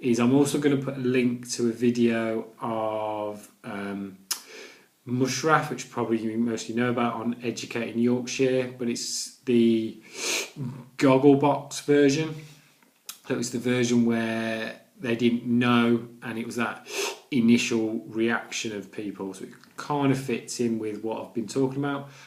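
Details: Adult man who stammers, with silent blocks and repetitions: stuttering (stammering)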